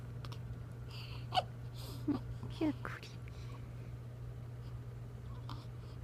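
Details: 12-day-old newborn baby hiccupping after a blank, spaced-out stare, followed by a sneeze: three soft, brief, abrupt infant hiccup sounds over steady room hum; newborn hiccups.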